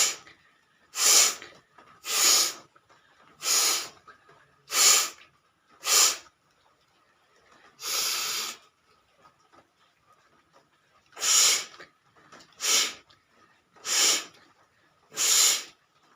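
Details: Eleven forceful, hissing nasal blows in about sixteen seconds, one longer than the rest, with quiet breaths between; a woman with a slight cold doing a nose-blowing challenge.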